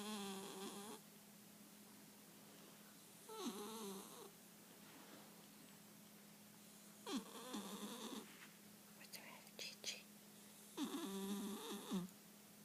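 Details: A sleeping Calico Himalayan cat snoring with regular wheezy, fluttering snores on each breath, roughly 17 a minute, over a steady background hum.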